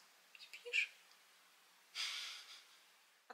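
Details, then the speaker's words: Snoring from a sleeping person, heard in a home setting. "tak w końcu piąteczek z dzieciakami w domu nie przeciągnę śpi słyszycie go na chrapie halo"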